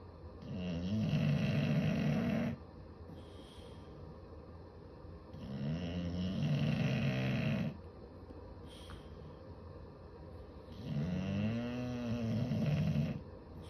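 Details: Loud, rumbling snores of about two seconds, repeating every five seconds or so, with quiet breathing between, from a family of bulldogs sleeping together while cuddling, worn out after a long day; dog snoring.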